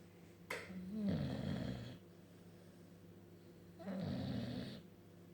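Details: Sleeping male bulldog snoring loudly: two long, rough, rattling breaths a few seconds apart with a brief snort between them.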